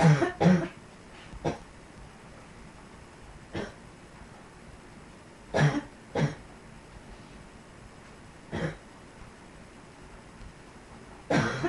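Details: Dog coughing: scattered short, harsh coughs or throat-clearing bursts, about seven, with quiet gaps between.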